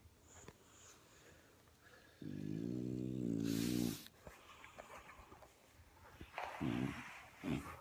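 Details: French Bulldog Junior asleep and snoring, tired after a TV show: a long, low, buzzing, rattly breath sound followed by softer ones in a quiet room.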